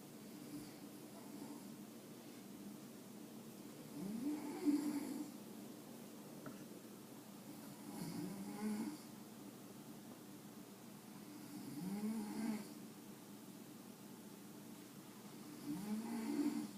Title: Jack Russell's sleep gets interrupted by grandmas snoring ;)